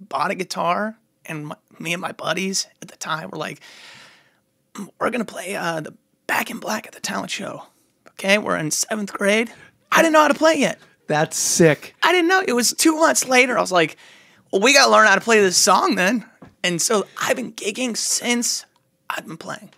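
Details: Muscle tension dysphonia affecting the speaking voice of an adult male singer; he describes it as stress-induced and temporary, says he can hardly talk but can still sing.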